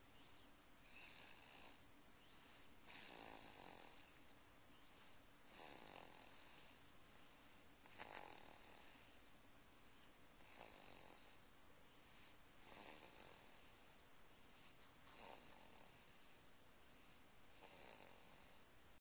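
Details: Snoring recorded with a Flip Video camcorder: soft, rasping snores roughly every 2.5 seconds, about 24 a minute, partly masked by steady hiss.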